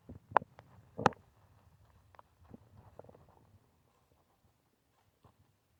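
Irregular soft gurgles and a few sharper squelching pops over about three seconds, then near quiet: ordinary stomach growling, active bowel sounds.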